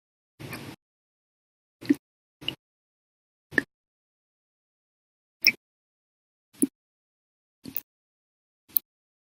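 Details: Hiccups lasting nearly 12 hours after eating meals and drinking two cups of soda after dinner: eight short, sharp hiccups at irregular intervals, roughly one every second or two, in a quiet room.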